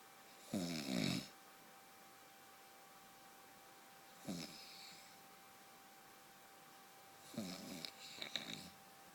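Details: Husband's snoring: loud, harsh rattling snores on breaths in, three snoring breaths over nine seconds, with quiet pauses between them.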